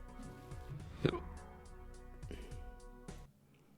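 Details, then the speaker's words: Single sharp, abrupt hiccup from an adult during a live stream, cutting through steady background music; no other sounds follow. "Yeah, it's always funny to me when I sometimes with those hiccups I get the literal like you can hear the word hiccup and I'm not even attemp not even trying to do that."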